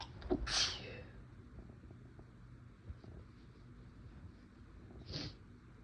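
Two sneezes, a sharp full one at the start and a softer, partly stifled one near the end, over quiet room noise.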